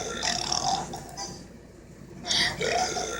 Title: Burp burp and more burps!